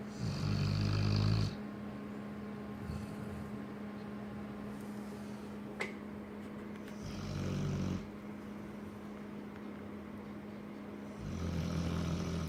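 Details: Sleeping Cane Corso dog: loud, low rumbling snores in long bursts separated by quieter breathing; ordinary snoring.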